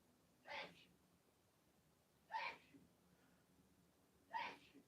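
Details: Woman sneezing faintly in the background about four rooms away from the recording; sneeze.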